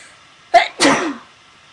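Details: A quick sharp intake followed by one explosive, breathy burst; a single ordinary sneeze, recorded for a sneezing video with a friend.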